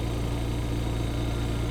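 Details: Steady low mechanical hum and drone of an Invacare Perfecto oxygen concentrator running continuously at 2 L/min, its normal operating sound.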